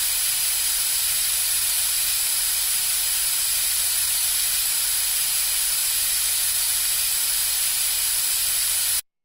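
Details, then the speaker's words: Braces placement with a lip guard in place. Teeth are sprayed with water and then suctioned, giving a steady, even hissing rush as water is drawn away. Dental suction. "let's rinse off the teeth can you spray them with water I run the suction to remove the water"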